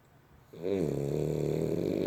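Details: A sleeping dog gives a single drawn-out, buzzing, rumbling breath; snoring.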